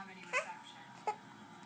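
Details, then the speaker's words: Baby girl, seemingly uncomfortable: two brief, abrupt catches of breath with a small voiced squeak in a quiet room; infant hiccups. "Oh, you're having a hiccup now. Who gave it to you? Huh? Who gave you a hiccup? She's uncomfortable."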